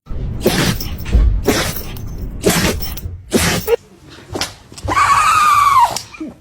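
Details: Several sharp, noisy dog sneezes in bursts, then a brief high whine, with faint music behind; sneezing.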